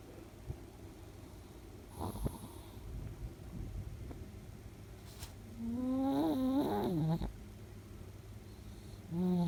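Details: A few irregular, deep, rattling snores with a tonal, whistling edge from a sleeping 10-year-old female Chihuahua–Shih Tzu mix with her tongue sticking out, over quiet room noise; snoring.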